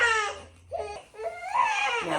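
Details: Loud, high-pitched crying in repeated wails with brief pauses from a newborn girl in pain with wind, just after gripe water and while being danced with; infant cry.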